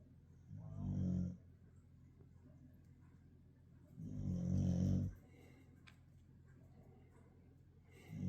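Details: Slow, low rumbling snoring breaths every three to four seconds, quiet between, from Sasha, a sleeping dog, before being woken.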